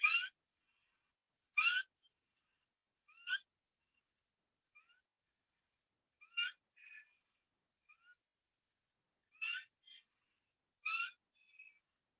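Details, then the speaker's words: Child in an emergency setting with upper-airway obstruction from laryngitis, mouth open, neck and clavicle retractions: repeated fast, high-pitched harsh whistling breaths with cough, inspiratory laryngeal stridor. "ese sonido de esa tos y esa respiración es típica de un paciente con la gingivitis en una obstrucción una laringitis es la inflamación de la vía aérea superior y ese sonido es el típico estridor laringe o con la que llegan los pacientes a"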